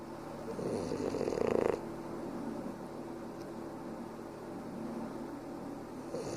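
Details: Sleeping animal napping on its owner: a soft rattling snore on the in-breath, then quiet breathing; sweet, ordinary snoring.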